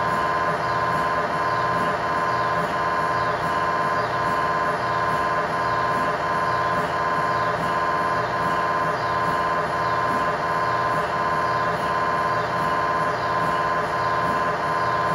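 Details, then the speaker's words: MRI scanner noise recorded inside the scan room of a GE Healthcare 1.5T or 3T system: a loud, steady buzzing drone with a rhythmic pulsing pattern repeating about 86 times a minute during a scan. "Today's video request features over 8 hours of mri scan sounds sampled from various 1.5t and 3 tesla mri systems."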